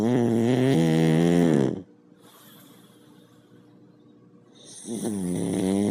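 A loud, buzzing, rattling snore on the breath in, a quiet pause, then another loud snore beginning: snoring in a sleeping reindeer.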